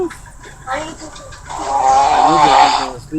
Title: Funny snoring